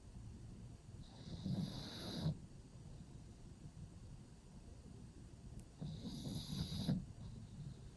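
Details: Pug sleeping in a covered cave-style pet bed: two rough, low snorting snores a few seconds apart over steady room noise; snoring.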